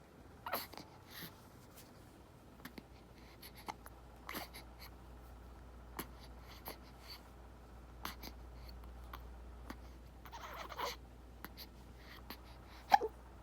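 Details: Infant with hiccups after feeding: soft, brief catching sounds recurring irregularly in a quiet room, with faint rustling between them; hiccups.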